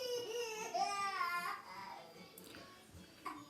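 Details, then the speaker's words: Fussy baby with a cold, irritable: wavering cry rising and falling in pitch, trailing into whimpers; infant crying. "My daughter, she has a cold. And both of them have colds. And you know, when babies have colds, they are irritated."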